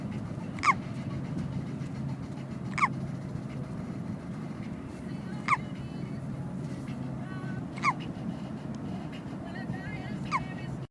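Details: Niece in a car with a hiccup attack: sharp, brief hiccups about every two seconds, roughly 26 a minute, over low steady car noise; repeated hiccups.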